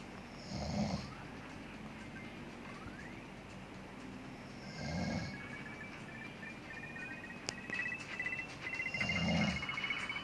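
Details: Dad snoring while asleep, three loud rough snores about four seconds apart, roughly 14 a minute, over mobile game sounds and music in the background.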